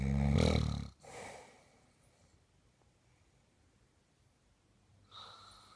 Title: Proof of husband snoring